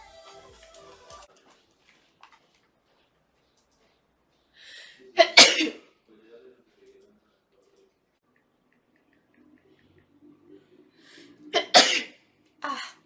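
Two sharp sneezes, each with a short in-breath before the burst, in a quiet room; sneezing attributed to allergy.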